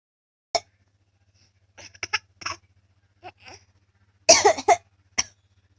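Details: Several short dry coughs and throat-clearing sounds separated by pauses, over a steady low background hum; cough.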